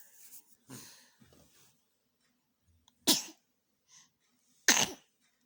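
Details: Child sneezing during playtime: several bursts of hissing air, the last two loud and sharp, in a quiet room; sneezing.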